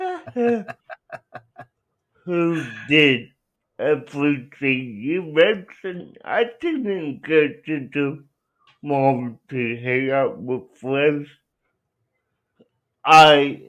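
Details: Young adult man with cerebral palsy who uses a wheelchair, out of school six years; dysarthria (cerebral palsy).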